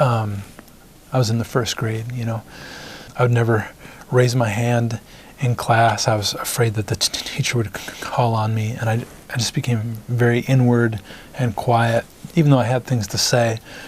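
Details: Adult man who stutters, onset in first grade after his parents' divorce; gets stuck on sounds like 'P' and the stutter goes away when he sings; stuttering.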